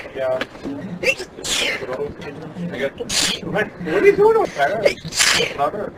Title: Mes éternuements préféré | My favorite sneezes